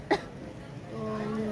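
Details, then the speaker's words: Single short cough from a girl whose cough has persisted after a family fever and cough illness while others recovered; followed by quiet room sound. "पर अभी लड़की की खांसी नहीं सही नहीं है उसको खांसी बराबर आती रहती है"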